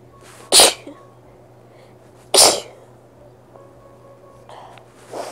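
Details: Two sharp, explosive sneezes about two seconds apart, then quieter congested sniffing and nose-blowing, from a person with a cold; sneezing.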